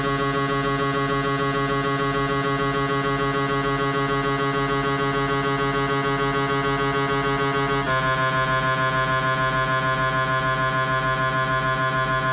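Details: Siemens MAGNETOM Lumina 3 T MRI, abdomen protocol: loud steady buzzing tones pulsing about 200 a minute with a pitch shift partway, gradient noise of T1 FLASH opposed/in-phase sequence.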